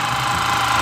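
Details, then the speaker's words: An electric ear irrigator on its high setting flushes an adult man's ear after wax-softening solution sat in the ear for 10 minutes; a steady loud buzzing motor with rattling vibration, described as like a jackhammer in the ear. "like a jackhammer in my ear"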